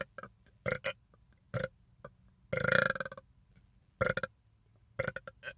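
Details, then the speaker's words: A man deliberately burping after drinking soda, with a run of short belches and one longer drawn-out belch; repeated burping. "i know that like [ __ ] like them like big like echoing one but there's something to be said about them long ones that go for long"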